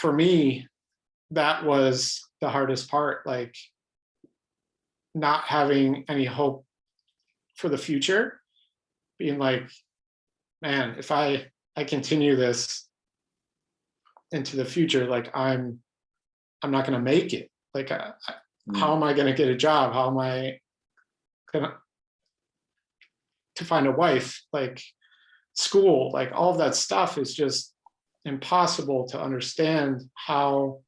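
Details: Adult man with lifelong stuttering, mostly blocks, stuttering in highly variable ways; stuttering.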